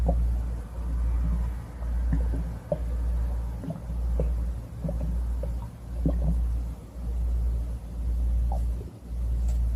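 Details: Ordinary stomach growling: low rumbling with scattered bubbly gurgles and squeaks over steady background noise.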